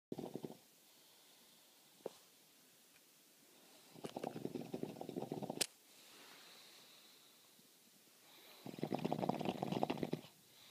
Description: This guy snoring sounds like someone taking hits from a bong.